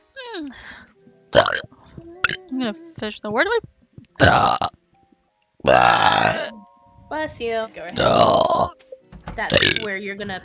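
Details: Burping from a VTuber during a stream, from a burp compilation: several loud, throaty burps separated by brief speech and background music.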